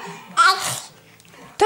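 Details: Child imitating how her father sneezes: voiced in-breath, then loud explosive burst with hissing release, quiet talk, and a second sharp onset.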